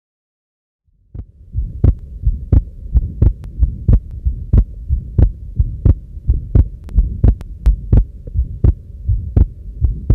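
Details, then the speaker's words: Atrial septal defect: regular heart sounds near 87 a minute over a low hum, with a short systolic murmur and wide splitting of the second heart sound at the pulmonary area or left sternal edge. "this is very important to elicit in asd wide split and a systolic murmur at the parliamentary area or at the left sternal edge"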